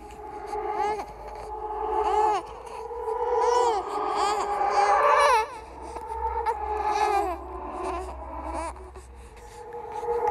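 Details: Horror sound-effect track of a simulated ghost baby: rising and falling infant wails mixed with babbling-like sounds over a low hum, created and edited for a horror audiovisual piece; infant cry.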